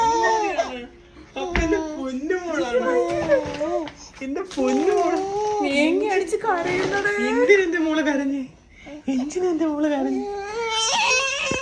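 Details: 7-month-old baby girl cries in loud, wailing bursts with brief pauses for breath in a small room, missing her father while being soothed that papa is coming; infant cry.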